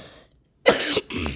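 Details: Two harsh, short, throaty cough bursts from an adult who says they are sick, recorded while rushing to get ready for a flight.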